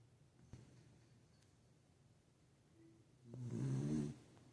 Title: Beagle Snoring worse than my husband 🤣🥂🐕! #beagle #samoyed #cutedog #funny #furfamily #dogshorts